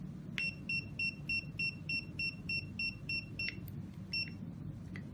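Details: About fourteen short, high electronic keypad beeps in a steady series over low room hum from an XB-500 ambulatory syringe pump for thalassemia (desferal) infusion as 20 ml syringe parameters are adjusted.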